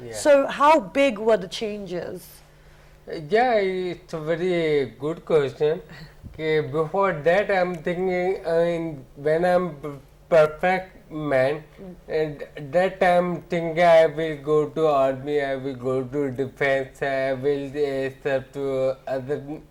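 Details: Adult man with ataxia since about 2007, symptoms starting after his marriage: ataxic dysarthria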